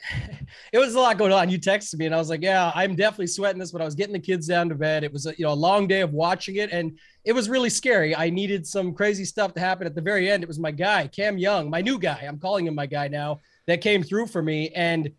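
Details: Adult male speaker; Normal speech.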